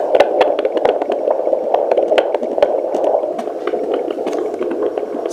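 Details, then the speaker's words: Fetal heartbeat on a 2 MHz Sonoline C pocket fetal Doppler: rapid whooshing pulses through static, rate 136 beats per minute shown on the display, heard loud and clear. "that's the baby right now the heart rate is down 136 and you can hear him loud and clearly I can see it on the large display"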